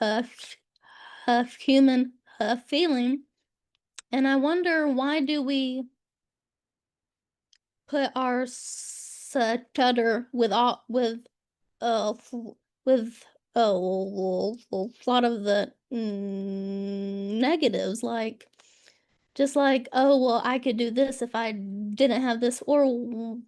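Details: Adult who stutters, taking part in a stuttering support meeting, with audible repetitions and blocks; stuttering.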